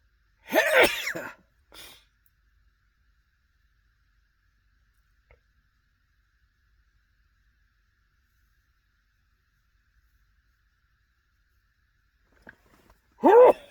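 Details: Two loud, explosive sneezes from a male sitting in his car after dinner at a restaurant, about twelve seconds apart with near silence between and a small sniff after the first.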